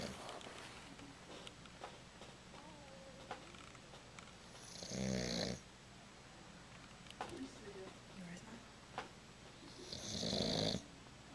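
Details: Pet snoring, recorded with a Flip Video camera: two loud rattling snores about five seconds apart over steady room noise. Ordinary snoring.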